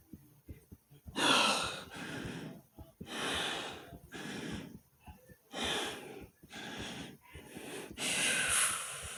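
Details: Self-recorded loud, harsh, effortful breaths in and out at roughly 24 a minute, alongside a fast heartbeat and a stomach growl in the same recording: labored breathing.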